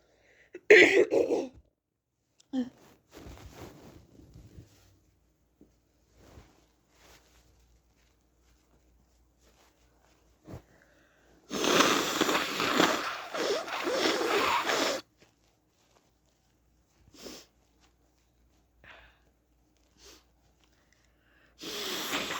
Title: Coughing, Throat clearing, and blowing my nose